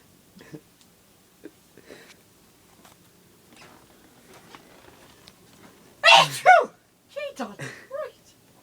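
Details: Elderly woman (grandmother) sneezing repeatedly and uncontrollably: quiet room, then a loud forceful sneeze burst followed by short vocal sounds, swearing between sneezes. Sneezing.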